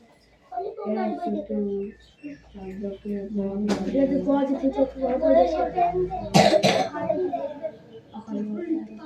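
A child's voice carries on through a small room, broken by a couple of short, sharp cough bursts.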